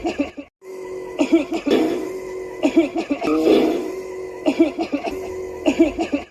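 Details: Child imitating a cough, acted: three clusters of short voiced coughing bursts with a steady tone and room noise; acted cough.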